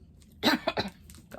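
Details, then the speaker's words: Cough from an adult who fears her voice is going again after losing it for 10 days last time: a short burst of two or three dry coughs in a quiet room. "so sorry. I'm praying my voice is not going again, because I will literally cry, because it took 10 days for the last time for my voice to come back."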